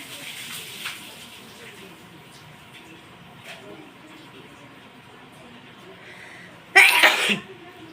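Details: Induced sneeze: quiet room sounds, then a single loud, explosive sneeze near the end.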